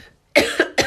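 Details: Adult who says they are still unwell and losing their voice gives two sharp, harsh cough bursts after a brief silence in a small quiet room; cough.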